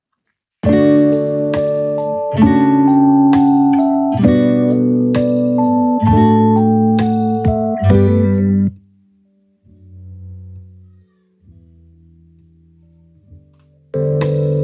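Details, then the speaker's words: Simulated bilateral moderate-to-severe sensorineural hearing loss due to otosclerosis, left ear, plucked guitar music: full at first, then muffled and faint, reduced to just a murmur of the music. "so what you notice there is just a murmur of the music on my end"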